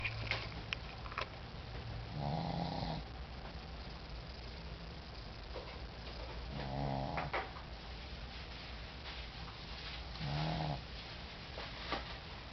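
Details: Three soft, buzzing snores at a slow, steady pace from a small, tired sleeping pet.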